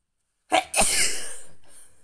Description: Waking up to sneeze